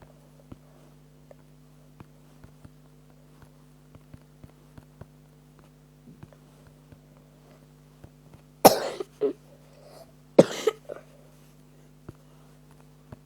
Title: shoutout [ignore me coughfinig I have a bad cough]